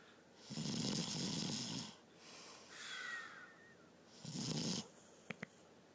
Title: Funniest snore ever